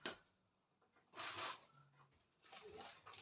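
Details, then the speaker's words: A household pet snores in a small room, making quiet, rasping breath noises that recur: snoring. "Je sais pas si vous entendez, mais vous avez un gros lion là qui est en train de ronfler"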